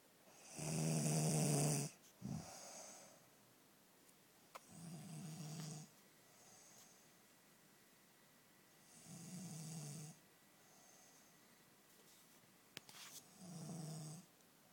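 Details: Snoring in a woman who denies snoring: slow, regular, rough snore with each breath, about four breaths in fifteen seconds, in a quiet room.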